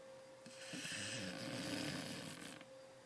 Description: This is a dog at my office that snores really loud when he sleeps... must watch